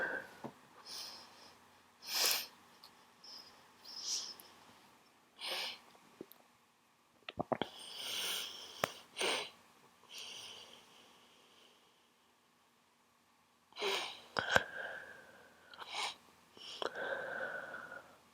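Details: Repeated short wet nasal sniffs with a few sharper bursts; sniffling from a head cold.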